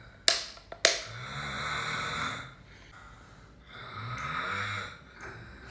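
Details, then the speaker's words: Man suddenly making loud snoring-like sounds in a small room, alarming the people with him: sharp clicks, then two drawn-out breaths with a low, rough rattle. "ولك صوت عالي ما ادري ايش بيك عب جاي جالع تريد تموت"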